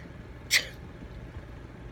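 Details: One sharp, breathy burst against quiet room noise, interrupting a recited poem with an apology; a single sneeze, possibly faked as sneeze practice.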